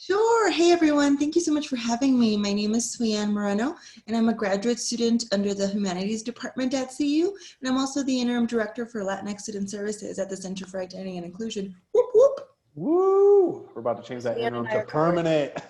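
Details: Adult woman speaking; Normal fluent speech.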